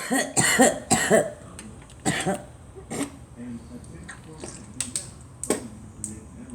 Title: Girl coughing